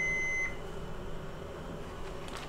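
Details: Simulated in-hospital cardiac arrest with an intern as mock patient: short, high electronic AED tone as heart rhythm analysis begins, followed by room noise; the device then recommends a shock.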